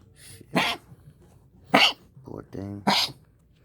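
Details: Dog, apparently on the way to the vet, gives three short, harsh hacking coughs with a brief voiced whine between them.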